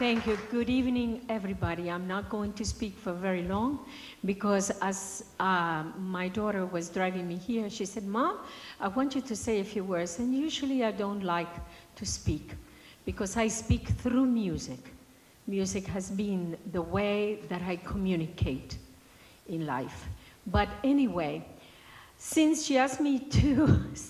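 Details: Adult woman; normal speech.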